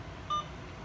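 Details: A single short electronic beep against quiet room noise from an Alaris infusion pump as the channel select is long-pressed to switch the channel off after terminating an IV fluid infusion.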